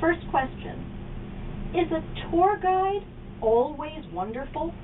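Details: Adult woman speaking; normal speech.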